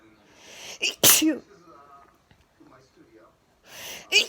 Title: Weird sounding sneeze